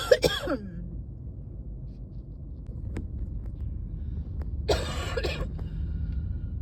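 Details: A person who is not sick but has a chest tight from fall allergies when it first gets cold: two short, harsh coughs separated by a quiet pause, over a low steady background hum.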